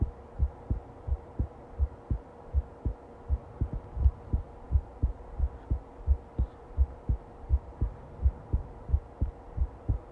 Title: Long heartbeat recording